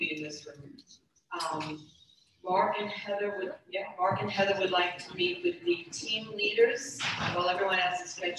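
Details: Adult speaker making an announcement; normal speech.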